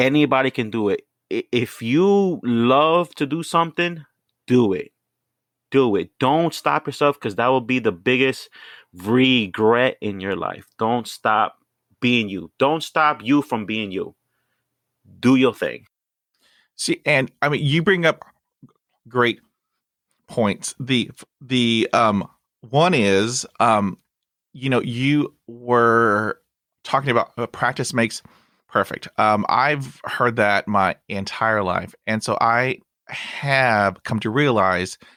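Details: 29-year-old man who stutters, bilingual Spanish-English, currently in speech therapy and practising by talking to strangers, with no known family history of stuttering; stuttering.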